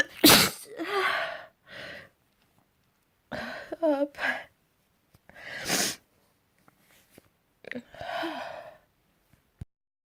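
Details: Several sharp sneezes, each with a quick indrawn breath before the burst, in a quiet room, in spring. Sneezing.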